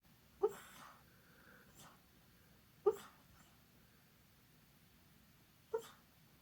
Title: Two minutes of snoring beagle